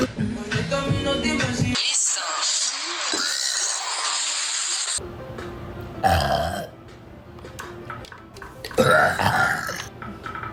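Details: Compilation of several loud, drawn-out burps over background music and brief Spanish talk: burping.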